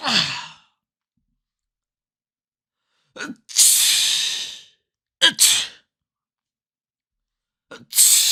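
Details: Recorded sound-effect clip of people sneezing: several sharp sneezes in varied styles, each a quick intake then a loud hissing burst; ordinary sneezing.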